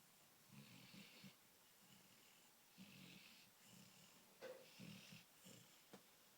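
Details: Sleeping dog snoring through a movie: repeated rough, fluttering snores with each breath and a few louder snorting bursts in a quiet room.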